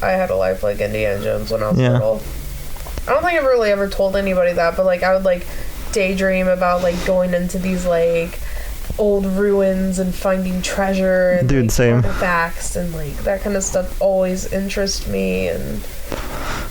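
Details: Adult speaker; typical speech.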